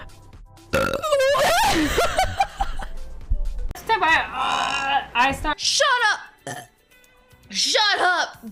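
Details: Female Twitch streamer burping on stream: several loud, drawn-out voiced burps with music and short vocal sounds in the background; ordinary belching.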